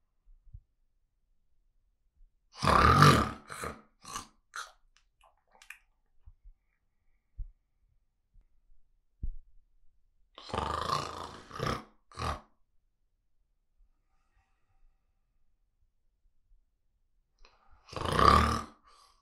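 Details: Adult man snoring during sleep, recorded with a Zoom recorder: loud, rough snoring in a few harsh bursts separated by long quiet pauses.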